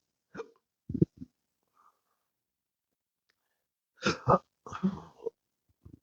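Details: Adult with intractable hiccups since December 2015 after surgery with nerve damage, also having choking spasms that hinder speech: several abrupt, jerky voiced catches in breathing separated by pauses; a persistent hiccup episode.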